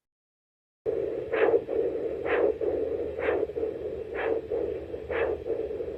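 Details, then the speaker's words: Doppler recording of both radial pulses in a patient with coarctation of the aorta, used as control against discordant radial-femoral pulses: regular whooshing pulses about 63 a minute over steady hiss, occurring simultaneously. "listen to his radio pulses these occur at the same time this serves as a nice control"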